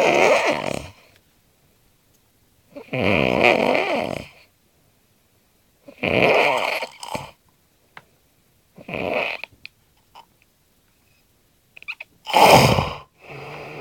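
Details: Heavy snoring in a sleeping man known for loud, varied, animal-like snores: loud, rasping, irregular snores with silent gaps between breaths, about 19 a minute.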